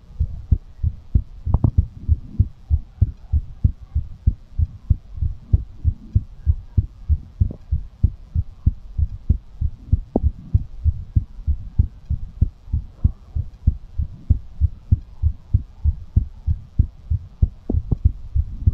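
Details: Fast heartbeat after exercise, ASMR recording: steady, quick low thumping at about 95 beats a minute, a normal raised heart rate.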